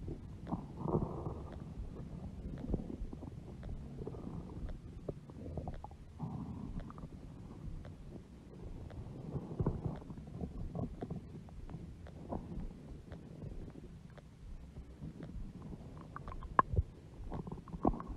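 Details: Low, rolling gurgles and rumbles with scattered small pops from a large belly; stomach growling (borborygmi) from gas and fluid moving through the gut.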